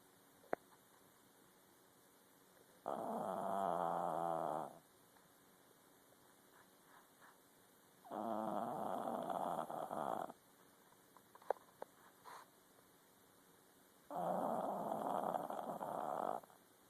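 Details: Sleeping dog snoring: three long, rumbling, rattly snores with quiet pauses, about one every five to six seconds.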